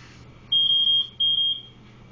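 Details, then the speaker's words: BiPAP Vision noninvasive ventilator (NIPPV) setup demonstration with a spontaneously breathing patient and a backup rate of 10: two steady high-pitched electronic beeps as the ventilator alarm sounds before it is reset. "that my patient's finished breathing, or is breathing, I'm going to reset my alarm here."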